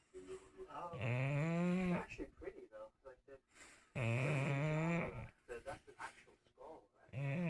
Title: bulldog snoring woke up by this at 4am